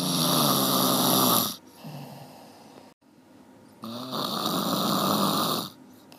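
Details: Snoring recording (one hour): snoring.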